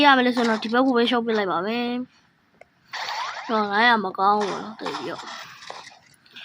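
An adult man clears his throat with voiced 'ahem' sounds and short rough coughing bursts.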